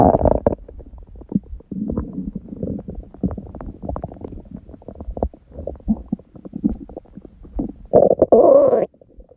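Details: Own stomach sounds after a raw-food meal and ab workout; fasted with only water from 19:00 the previous day, first meal at 16:00 eaten in a binge; frequent gurgling and rumbling with louder growls: active normal bowel sounds.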